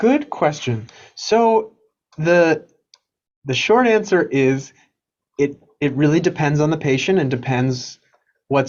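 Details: Woman with unilateral vocal fold paralysis, recorded before treatment, who later had a temporary filler injection and then thyroplasty; vocal fold paralysis (breathy voice).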